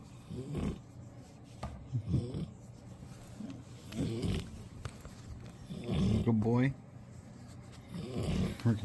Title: Riley the old Golden Retriever snoring after a long walk ❤️